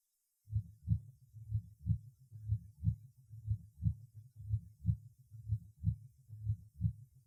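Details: Heart sounds over the aortic area, then the third (pulmonary) point, in a patient with mitral valve disease and pulmonary circulation congestion; second-sound accent over the pulmonary artery; steady paired sounds near 60 per minute.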